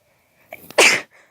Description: Woke up to a nice little sneezing fit. Not sure what caused it, really...